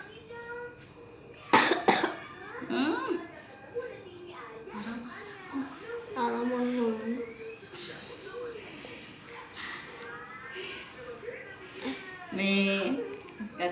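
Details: Young child with a cough and cold, no fever, possibly tired, being massaged at home: a single loud cough amid fussing, talk and room noise.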